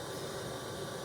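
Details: Steady low whooshing blower noise of a running Respironics DreamStation CPAP machine while humidity settings are adjusted.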